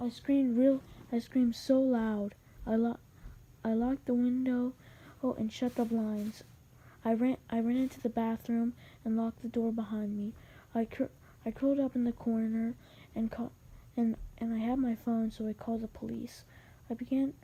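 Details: Male narrator who says he has a little stutter, with repeated words and phrases; stuttering.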